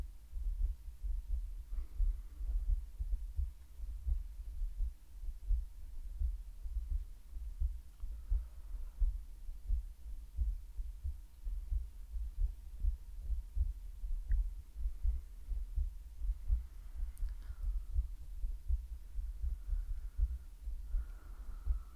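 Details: Self-recorded heartbeat in an ASMR medical roleplay: a steady low thumping at about 85 beats a minute with breathing and a faint background hum; a normal heartbeat.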